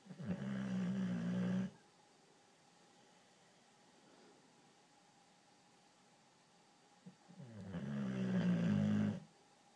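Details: Female boxer dog snoring while sleeping: two long, low, rumbling snores about seven seconds apart with quiet between.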